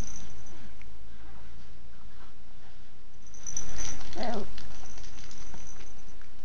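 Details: Single brief, sharp, tiny sneeze with a faint squeaky tone from a small rodent named Jordan, against steady background hiss.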